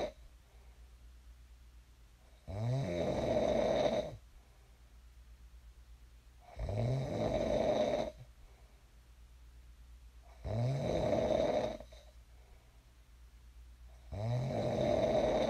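Loud, rough snores on each in-breath, about 16 a minute, separated by quiet breathing; ordinary snoring during sleep, with steady low room hum.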